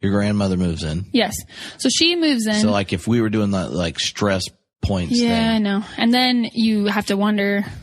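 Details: Adult women in conversation; normal voice.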